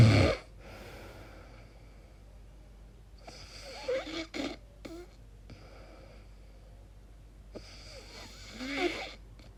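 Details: Person recording their own sleep noises, wondering whether it is snoring or sleep apnea: soft, irregular snorts and rattling breath noises between quiet stretches; snoring.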